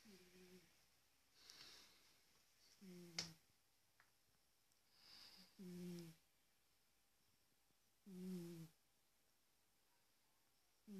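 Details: Large cat, recorded with a smartphone: soft snuffling snores with a faint whistling tone on the breaths, about every two to three seconds, in a quiet room; snoring.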